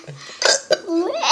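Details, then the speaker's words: Hiccups from an adult woman (a mother), with her baby laughing at them; she says they hurt. "You laughing at my hiccups? Mommy has the hiccup."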